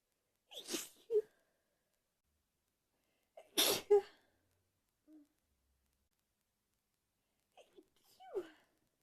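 Three sneezes: two full explosive bursts, then a smaller, muffled one held back; sneezing, the last stifled.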